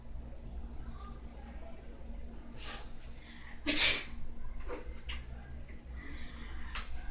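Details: One loud, sharp sneeze from a man in a bedroom holding a laptop, with a brief breath before it over quiet room noise.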